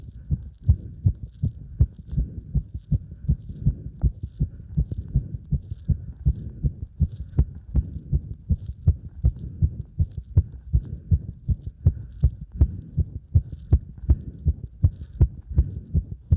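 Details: Heartbeat recorded with the chest pressed after squats, fast at about 160 thumps a minute with uneven spacing between beats; cardiac arrhythmia.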